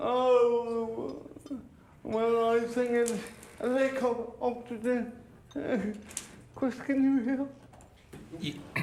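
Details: 32-year-old man with cerebral palsy present since birth, dependent on 24-hour care; slurred speech that worsens when he is tired; dysarthria (cerebral palsy).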